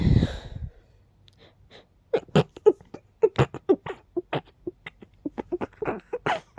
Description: When the tickle is so deep up your nose it makes you sneeze uncontrollably rapidly 🤧🤧🤧